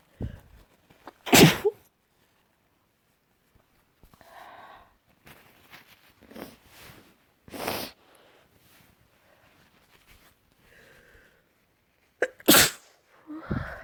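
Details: Several separate sneezes of differing styles, each a sharp explosive burst, with quiet breathing and small sounds between; sneezing.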